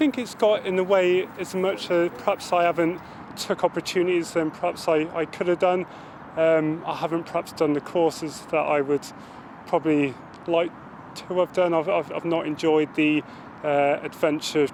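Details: Adult male Armed Forces serviceman who stammers; word and phrase repetitions are heard; stammering.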